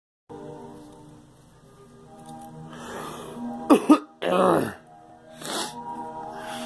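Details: Girl coughing; cough.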